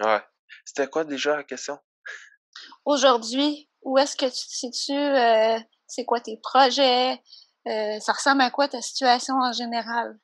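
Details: Young adult speaker, French; ordinary speech.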